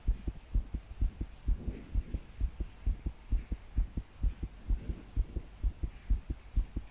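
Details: 22-year-old woman trying to sleep, body shaking with each beat, deep breaths not helping: palpitations as strong, fast, regular pounding heartbeat about 120 a minute, with soft breathing and heavy rain behind.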